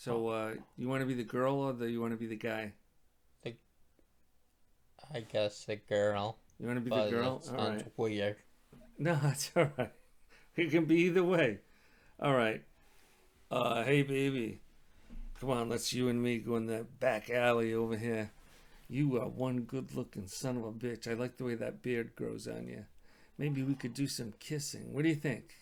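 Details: Adult male speakers; ordinary speech.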